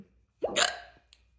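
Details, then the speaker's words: Hiccups, reportedly triggered by a burp or inhale technique, during a spell lasting around 10 minutes: a single sharp, abrupt hiccup with a brief voiced catch, then quiet. "I make burp videos a lot and I guess like one of the burps triggered the triggered the hiccups"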